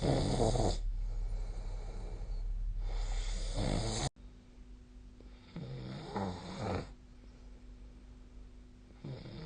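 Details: Snoring during sleep, recorded on 2024-12-22.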